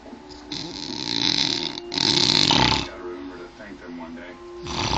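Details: An adult snoring: loud, harsh, rattling snores on two inhalations, with talk and room noise in the background.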